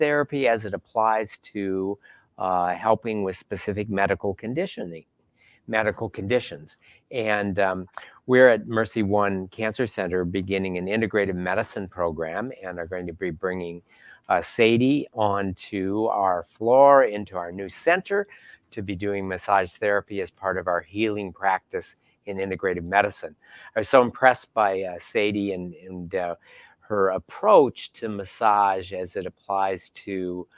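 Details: Adult man speaking; no voice disorder.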